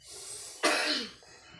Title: makan nanas ngora sampe batuk ngepruh